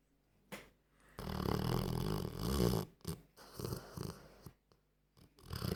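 Deep, rumbling snorts and rattly breaths from a sleeping dog, uneven in length; snoring.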